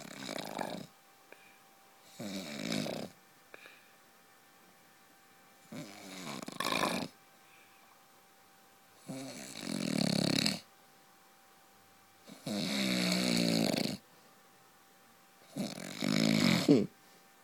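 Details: Adult man (husband) snoring during sleep: loud, rough snores on each in-breath, about six in seventeen seconds (roughly 20 breaths a minute); heavy snoring.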